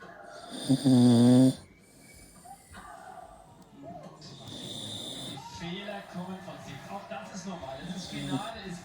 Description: While watching the French open final (women 2018).My 11years old Tibet terrier was snoring so loud!😂😂😂😂